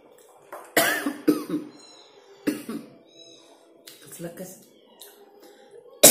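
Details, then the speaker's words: Adult choking while eating spicy sambal with fresh vegetables, fried tofu and boiled spinach: several sharp, forceful coughs in bursts with brief pauses as food went down the wrong way. "Maaf guys, keselak."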